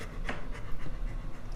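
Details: Panting from a 9-year-old female Rottweiler with a damaged back leg and lifelong limp, during her 7th chiropractic treatment with stretching and deep muscle work.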